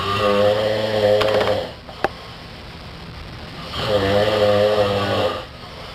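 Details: Two brothers snoring: loud, rattling snores on breathing in, with quiet pauses between breaths; a heavy snoring pattern.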